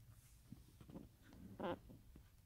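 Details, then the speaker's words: Resting dog lying next to its owner: soft, irregular nasal snuffling, then one louder snorting snore; dog snoring. "Ignore that, you can hear my dog snoring."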